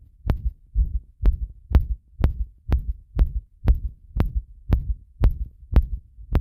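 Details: Heart sounds recorded after a bath with a microphone pressed to the chest: a regular low thumping heartbeat, each beat a paired lub-dub, fast at about 120 beats a minute.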